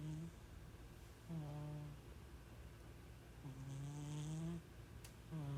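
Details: A sleeping cat snoring like a human: slow, loud, low-pitched snores with long drawn-in breaths and quiet gaps between them, in a quiet room.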